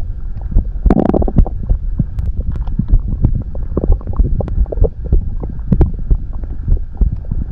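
Low rumbling, gurgling and bubbling sounds from the belly; ordinary stomach growling.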